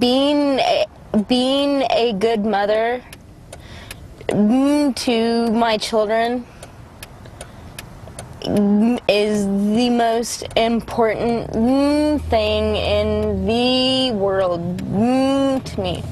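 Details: Woman with cerebral palsy from birth, most noticeably manifesting as a severe stutter, right side of body weaker than left; stuttering.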